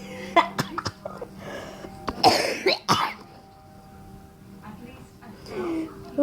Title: Why am I laughing and coughing at the same time while I see this face "0.0"